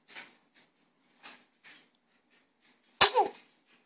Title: Morning smiles... And sneezes!